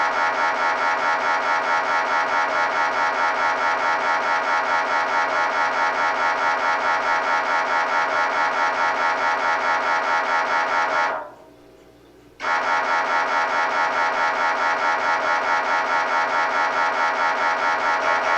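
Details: Loud, continuous buzzing MRI scanner drone with fast regular pulsing, briefly pausing for about a second before resuming; sample sound to prepare patients, including children, for what an MRI sounds like.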